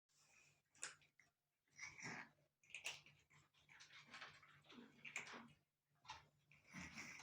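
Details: Several quiet, breathy, hacking bursts over faint room noise from a kitten coughing, described as coughing loudly.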